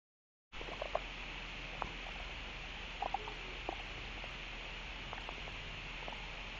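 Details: Stomach noise (bowel sounds): scattered soft gurgles and clicks over a steady hiss, typical of stomach rumbling.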